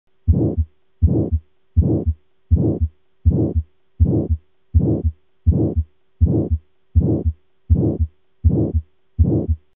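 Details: Aortic stenosis murmur (abnormal): regular heartbeat near 81 per minute with a harsh whooshing murmur filling each beat.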